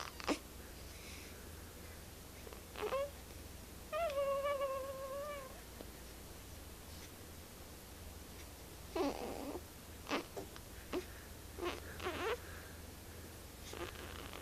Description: 1 week old baby boy sleeping making cute noises